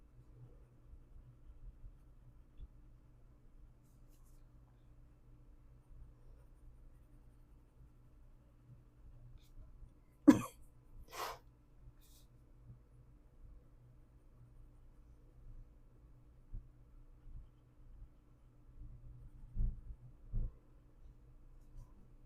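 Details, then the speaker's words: Adult with a scratchy, hoarse voice coughing occasionally while coloring: two brief, sharp coughs in a quiet room with soft pencil-on-paper sounds. "So, yeah, that's why I am coughing in the background occasionally."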